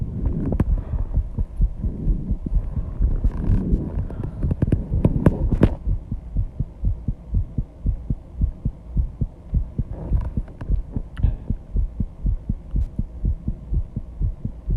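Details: Rapid heartbeat at 134 bpm after intense exercise, loud enough to hear without a microphone at first: fast, regular heart thumps with rustling and heavy breathing noise early on.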